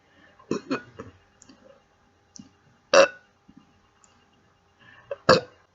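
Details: A woman burping on command, saying "excuse me" before and after: two loud, abrupt belches over quieter throat sounds in a quiet room; voluntary burping.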